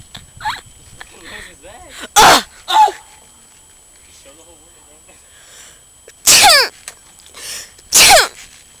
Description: haha mayn couldn't stop sneezing!